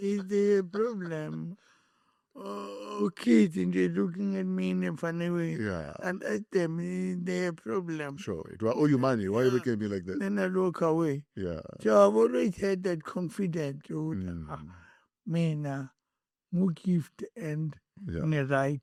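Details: Adult male with cerebral palsy from birth and a head injury from a June 2000 car accident affecting his speech, walking and left-ear hearing; dysarthric speech.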